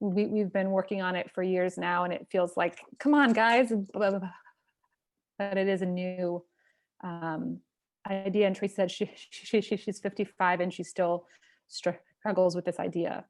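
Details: Stuttering in a person who stutters hosting a stuttering community event; part-word repetitions audible.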